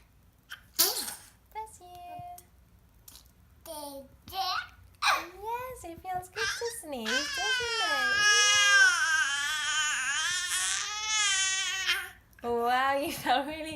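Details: A 7.5-month-old infant vocalizing: short squeals and fussing build into a sustained high-pitched screech lasting several seconds, then more fussing; ordinary infant crying.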